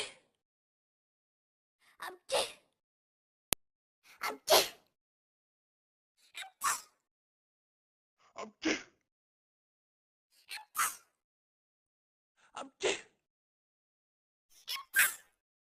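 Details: Simulated sneezing from the Talking Angela game character's sound effects: seven repeated sneezes, each a quick in-breath followed by a sharp burst.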